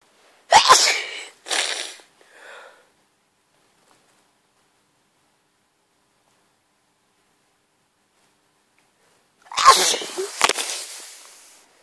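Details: During a mini cold, wet sneezes that come in unusual doubles or triples and feel like allergy sneezes: a quick run of three sneezes, then a single forceful sneeze after a long pause, in a quiet room.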